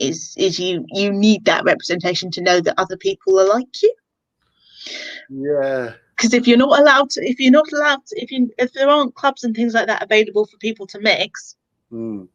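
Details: Adult speaker, likely female; normal speech.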